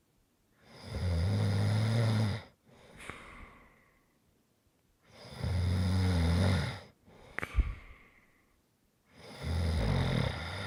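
Long, loud rumbling snores on each in-breath, each followed by a softer breath out with a slight whistle, about 14 breaths a minute. Snoring.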